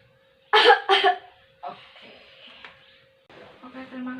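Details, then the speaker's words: Two strong, forceful coughs in quick succession after a deep breath, then quieter breathing; demonstration of effective coughing technique to clear mucus during a cardiopulmonary breathing-exercise session. "selanjutnya ada cuma ada latihan batuk efektif ini tujuannya untuk mengeluarkan mukus juga untuk melihat mendorong memukul dan melepaskan muchus jadi luas lahan Tarik nafas dalam kemudian batukan dua kali seperti ini"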